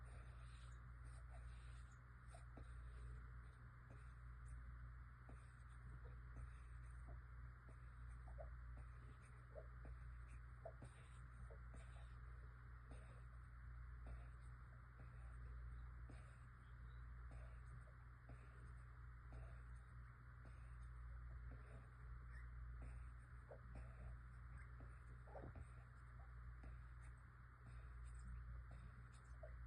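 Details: Six-month-old emaciated stray kitten (2.68 lb) with pneumonia, pancreatitis, chest fluid, liver changes and suspected FIP: rapid, irregular fine crackles over a steady low hum with every harsh breath, crackling respiration.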